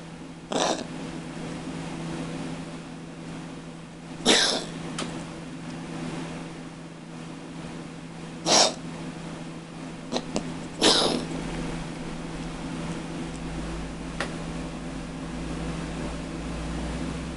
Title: Cat asthma attack cat coughing